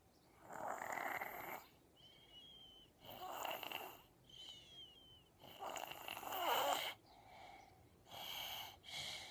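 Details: Young girl with strep throat snoring while asleep on her mother and baby brother: regular raspy snores on each breath, with softer whistly sounds between them.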